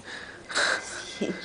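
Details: Newborn baby boy, 6 hours old, sneezing for the first time: a brief indrawn breath, then a single sharp sneeze burst with a small voiced sound after it.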